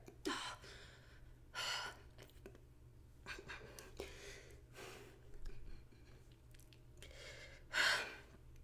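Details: Vocal tic (gasping/breathing) in a woman with Tourette syndrome, whose tics include breath-holding and come unprompted, interrupting her.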